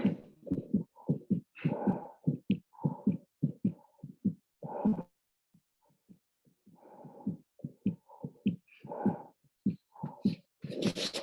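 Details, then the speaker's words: Infant heart murmur heard by stethoscope auscultation in a neonatal anomalies teaching talk: fast heartbeat with a whooshing murmur between the heart sounds. "so you listen over the period of time but also listening to the characteristic of the murmur so we can listen to that right quickly if it will play"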